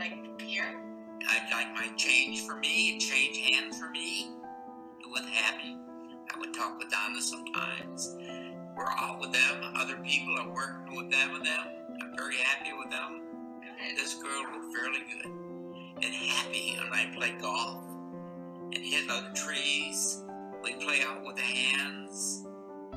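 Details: Patient with fluent (receptive) aphasia from damage to Wernicke's area in the left posterior superior temporal gyrus, with impaired comprehension and poor repetition: Wernicke's aphasia.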